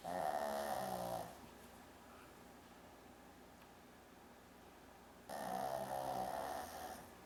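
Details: Snoring from a Shih Tzu dog, said to snore like a person.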